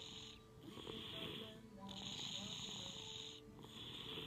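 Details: Child snoring before tonsillectomy: noisy, hissing snoring breaths over a loud background hum, with enlarged tonsils; snoring.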